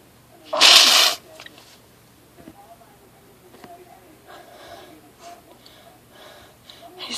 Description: I was in home depot for about 10 minutes with a strong tickle in my nose, and all of the plants, tools, wood, etc must have irritated my nose badly because these non-stop sneezes happened right after